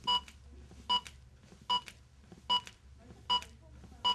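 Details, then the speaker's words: ZOLL AED Plus Trainer2 in a simulated training scenario with the CPR metronome on: regular electronic beeps about 75 per minute pacing chest compressions after a shock, with low room hum; AED CPR metronome beeps. "the two middle buttons can only be used during the CPR interval while the trainer - unit is beeping in a scenario with the CPR metronome on"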